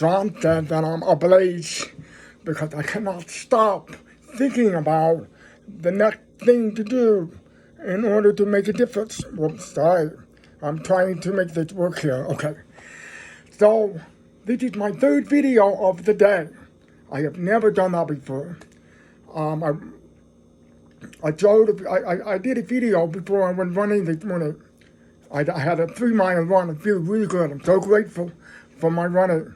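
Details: Adult man who is deaf, speaking English; deaf speech.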